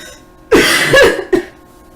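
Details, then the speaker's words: Adult woman with asthma and fibromyalgia, reporting a heavy chest and chronic breathing trouble, coughing: two harsh, loud coughs, the first drawn out. "I was coughing but it was no longer bronchitis and I was just getting so winded from the breathing trouble"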